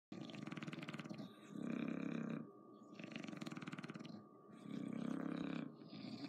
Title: Snoring bulldog